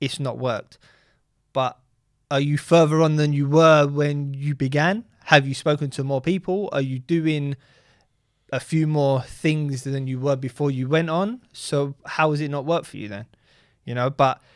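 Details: Adult man speaking; normal fluent speech.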